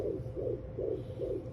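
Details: Fetal heartbeat on a SpringBud FD500B home fetal Doppler, probe moved to the left and pressed down to find it: rapid, regular whooshing pulses about 150 a minute; normal.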